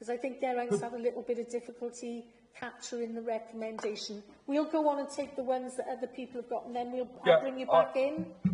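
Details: Adult woman speaking; normal voice.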